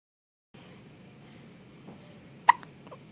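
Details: Hiccups in a baby in the NICU: repeated hiccups, some loud, in an infant who frequently gets hiccups.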